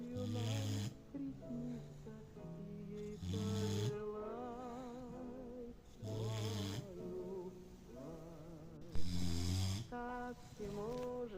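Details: English bulldog snoring during a daytime siesta: loud, deep, rhythmic rattling snores about every three seconds, heard over a sung lullaby.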